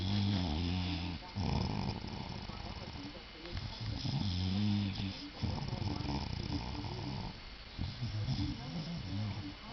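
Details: Very loud snoring: rough, low rumbling snores in repeated bursts, with steady room noise between them.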